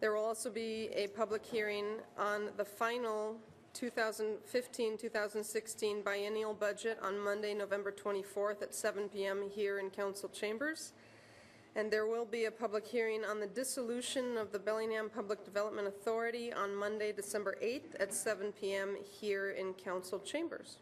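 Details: Adult woman speaking; normal speech.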